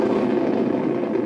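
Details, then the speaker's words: Needle EMG speaker, subject at full effort after mild and moderate activation: dense, continuous roaring crackle, normal full interference pattern; perfectly normal muscle. "perfect this is perfectly normal"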